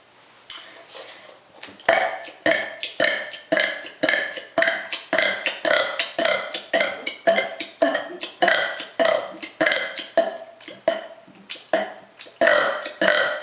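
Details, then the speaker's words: Woman deliberately doing short, quick burps on request: a rapid run of about 25 loud, brief, throaty belches, roughly two per second; voluntary rapid burping. "Today I'm going to be doing quick burps. Short quick burps cuz you people keep constantly asking me to do them, so I guess I'll do them. Just quick fast burps."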